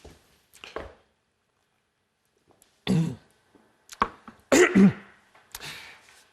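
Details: Adult male newsreader gives several short coughs and harsh throat clears in a small, quiet room; cough with throat clearing.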